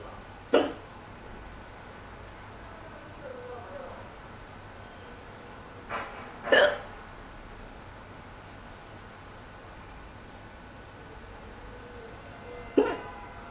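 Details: Four abrupt, sharp hiccups at irregular intervals over about 13 seconds, roughly 10 per minute, against quiet room noise, while bored; hiccups.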